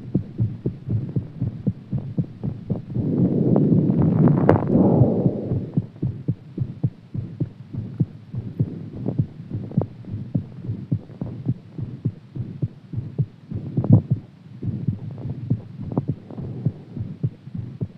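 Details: Heartbeat after exercise: fast, strong, steady thumping at well over 100 beats a minute, with some rubbing noise.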